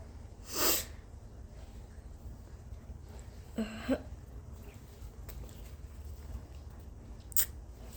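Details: Person with allergies, congestion, itchy irritated nose and throat, heavy coughing and near voice loss for days, forcing huge sneezes with intense high-pitched buildups: sharp, forceful sneeze bursts with a brief voiced catch between them.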